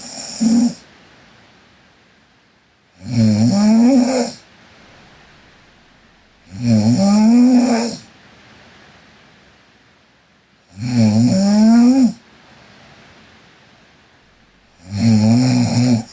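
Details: Sleeping Korean girl snoring: loud rattling snores on each breath in, about 15 a minute, with quiet breathing out between them.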